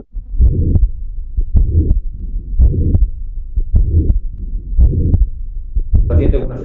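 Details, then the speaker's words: Child with a ventricular septal defect: regular heartbeat with a harsh, blowing regurgitant murmur that starts immediately after the first sound and fills systole, a holosystolic murmur of ventricular septal defect. "pero empiezan inmediatamente después del primer tono. Esos son los soplos de revolcitación. Soplos sistólicos de revolucitación."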